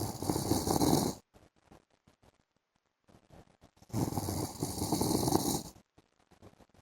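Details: Adult man snoring during an afternoon sleep: two loud, rough snoring breaths in about seven seconds, each a harsh rattling inhalation lasting one to two seconds, separated by quiet pauses.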